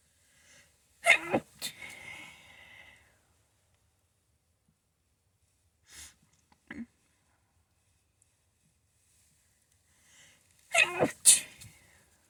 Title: Sneezing attack and nose blowing!